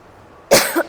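A single short, harsh cough or throat-clearing burst from an adult woman after a quiet pause.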